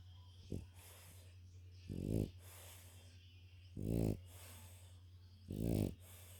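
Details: French bulldog napping after a walk, tired; loud, fluttering snores about four every six seconds over a steady low hum; snoring.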